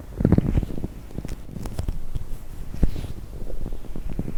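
Continuous low gurgling and bubbling rumbles with irregular pops; ordinary bowel sounds of a rumbling stomach.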